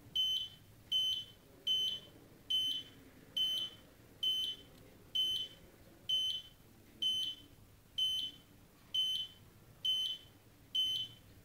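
Steady high-pitched beeps at about 70 a minute, one per heartbeat, over quiet room noise.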